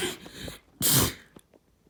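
A short breathy build-up, then one loud explosive burst of air trailing off into a few quiet sniffs: a single sneeze.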